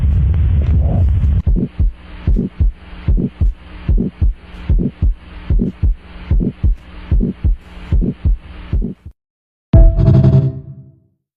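Steady, regular low thumps of a heartbeat through a stethoscope, with a brief rumbling noise at the end.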